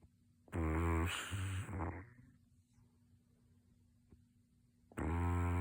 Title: Two minutes of snoring